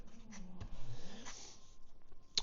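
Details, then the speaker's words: Sleeping bulldog, described as a bit of a snorer, heard nearby in a small quiet room: quiet, low rumbling snore with a snorting burst; snoring. "I've got my bulog who's sleeping nearby you'll hear that snoring that's the Bulldog that's B uh he is a bit of a snorer"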